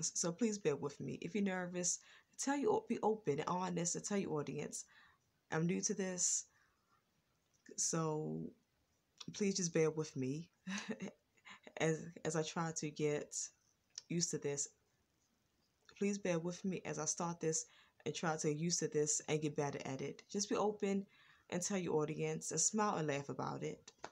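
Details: Adult woman with a lifelong stutter, worse in the past and now more controlled; stuttering.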